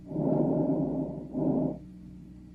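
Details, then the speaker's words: Normal vesicular breath sound (vesicular murmur), heard over most of the chest and best at the axillary region; produced by alveolar distension as air enters, a soft, low-pitched sound. "provocado por la distensión de los alvéolos con la entrada del aire Es un sonido suave y de tonalidad baja"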